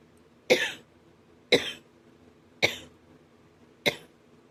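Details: Man with a small breaking cough that he says hurts his chest and throat.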